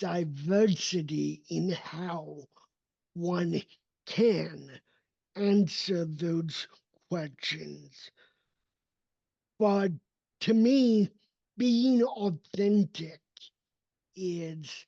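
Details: Adult male with cerebral palsy, a neurodevelopmental disability affecting his motor development and movement; real speech; dysarthria (cerebral palsy).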